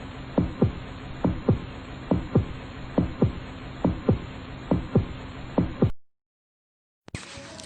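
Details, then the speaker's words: Normal heartbeat heard through a stethoscope on the chest in a school lesson: regular paired lub-dub sounds at about 69 beats a minute over steady hiss; normal heart sounds. "Ketika dokter menyentuhkan corong pada dada seseorang, maka bunyi detak jantung dan nafas akan merambat ke dalam selang setelah melalui proses pemantulan. Maka dokter pun dapat mendengar dengan jelas detak jantung dan nafas sang pasien."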